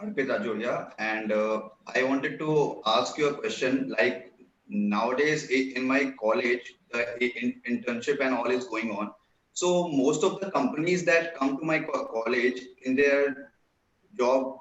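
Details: Real stammering in a male college student who describes himself as a person who stammers; stuttering.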